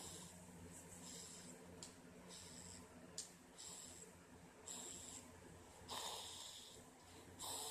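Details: An adult woman snoring into her arm. Muffled, whistling snoring breaths, roughly one every second or two, over a steady low hum.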